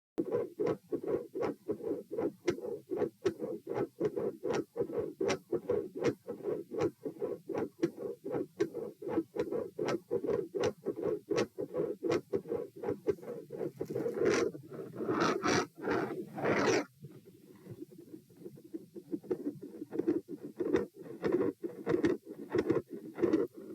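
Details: Heart auscultation at position P, supine to standing: regular heartbeat about 80/min, normal at first, then a continuous machinery-like murmur filling the cycle on standing.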